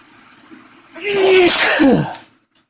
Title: cold sneezes (male)